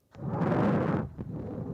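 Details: Deep-learning-generated synthetic sample modelled on ICBHI dataset lung recordings. A soft, low rushing breath noise has a louder inhale, then a quieter phase: normal breath sounds.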